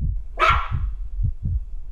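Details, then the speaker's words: Normal heart sounds of a female Pomeranian, the vet's own dog: regular low heart thumps with a single sharp bark over them. "This is a Pomeranian, and that is her heart beating, and that is her barking."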